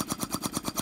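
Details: TXP-2D high-frequency ventilator with Phasitron circuit on a Voyager neonatal transport incubator, set up on a test lung: rapid, even mechanical pulsing about nine times a second, roughly 500 a minute.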